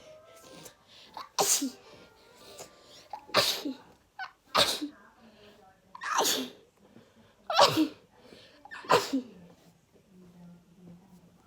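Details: Six forceful sneezes in quick succession from an adult, with faint background sound between them; repeated sneezing.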